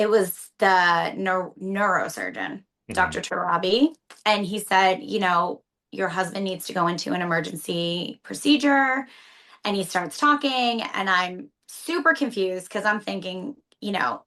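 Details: Adult woman speaking; normal speech.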